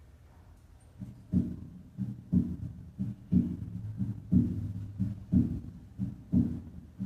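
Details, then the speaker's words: Regular heart sounds at 60 beats a minute at the heart base, with physiological splitting of S2 that widens on inspiration, rarely detected in dogs and cats; played as a veterinary teaching example. "escuchemos ahora el desdoblamiento fisiológico de s2 en la base del corazón como se ilustra en la figura 10"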